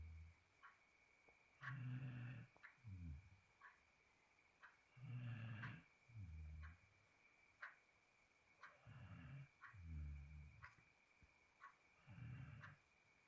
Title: Anjing tidur sampai mendengkur.